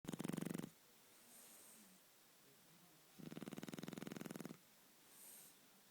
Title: Neska The Shar Pei - Snoring